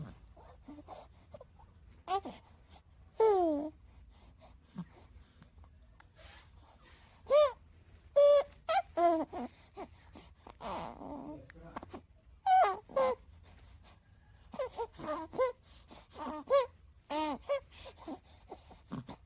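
Short coos, squeaks and grunting sounds from a newborn in a quiet room, separated by pauses; ordinary newborn vocalizing.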